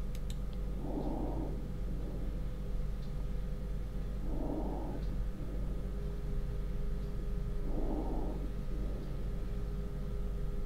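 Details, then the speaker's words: Normal vesicular breath sounds, recorded with a microphone on the chest during a pulmonary examination teaching demonstration: soft rustling breaths, louder on inspiration with a faint brief expiration, about 18 per minute. "and it was normal brief sounds okay once again normal breathe sounds"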